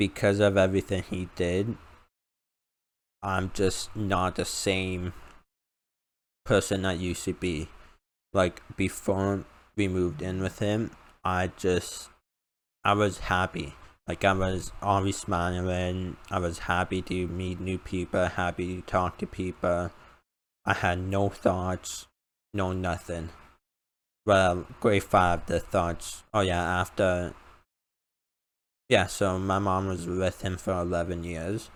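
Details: Male with a self-described uncontrollable speech impediment, improved after about 10 years of speech therapy; formerly used an iPad talking device, not used for almost three years; finding: speech impediment.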